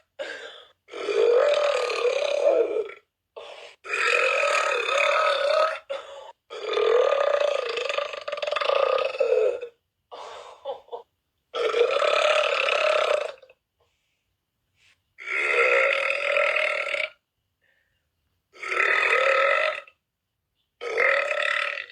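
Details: About eight loud, drawn-out, voiced burps with short pauses between them in a quiet room; repeated belching.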